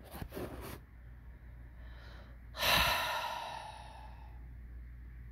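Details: Jack, tongue out, makes harsh noisy breaths then a loud gasping inhalation with a faint whistling edge; wheezing.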